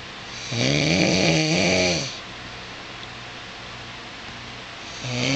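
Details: Husband snoring while asleep at 2:24 a.m., recorded by his wife; he denies snoring loudly: one long rattling, vibrating inhaled snore with a hissing exhale, then a pause before the next; snoring.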